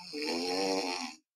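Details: Drug-induced sleep endoscopy in a 32-year-old man, BMI 27.5, apnea-hypopnea index 52.5, mostly obstructive apneas: one loud buzzing inspiratory snore with funnel-type collapse of the lower soft palate; obstructive sleep apnea.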